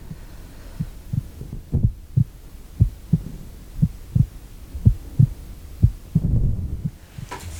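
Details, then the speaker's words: Simulated ASMR roleplay doctor exam, stethoscope on chest and back: steady paired normal heart sounds at about 60 beats a minute, strong, with no arrhythmia, tachycardia or bradycardia. "Strong heartbeat. No arrhythmias, no tachycardia, no bradycardia. Just a strong, steady heartbeat. It's exactly what we like to see."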